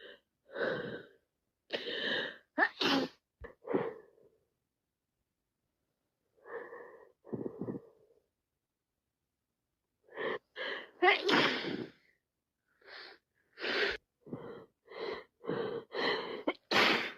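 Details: Wet sneezing and sniffles from a cold, with more sneezing after 3 minutes; repeated wet sneezes and sniffles in several clustered bursts.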